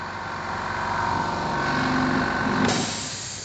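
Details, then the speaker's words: Dental unit air compressor switched on in a demonstration and left running until it stops by itself: a steady mechanical rumble with a rising hum that cuts off near the end. "pastikan juga kompresor tombol on off ngidupin kompresornya hidup tarik ke atas maka kompresornya hidup terus tunggu beberapa saat Sampai kompresornya Mati"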